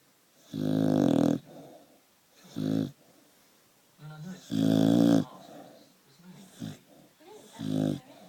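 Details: A sleeping Staffordshire bull terrier gives loud, rumbling snores in a slow rhythm, about 16 a minute, with quieter breaths between.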